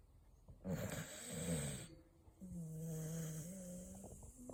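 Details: Four-year-old Beagle snoring out loud in sleep: loud, rough rattling snore on the in-breath, then a drawn-out low tonal whine on the out-breath; snoring.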